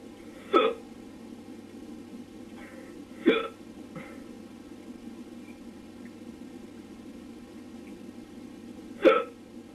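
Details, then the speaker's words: Male with hiccups, recorded at 3:04 a.m.: three abrupt hiccups at uneven gaps over about ten seconds, each a sharp vocal catch, over a steady background hum. "hey um I'm making this recording for everyone to listen to these hiccups of mine so let's see it's 3:04 a.m. and I can't get a real case but uh I'll do my best so here you go"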